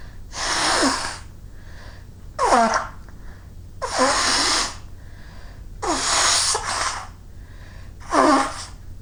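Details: A run of five forceful sneezes within about nine seconds, each with a voiced wail and a rush of air, after shoveling snow, with a running nose needing blowing; winter sneezes.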